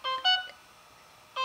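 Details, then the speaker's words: Short bursts of bright multi-tone beeps: a corpuls cpr mechanical CPR device's yellow alarm for interrupted compressions. "If I stop the therapy while the therapy is running, the device will alert me with a yellow alarm indicating that I should continue the therapy. Here you can see how it escalates"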